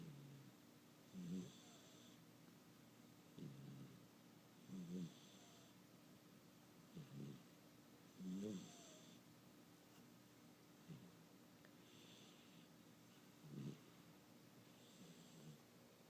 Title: Sesame Snoring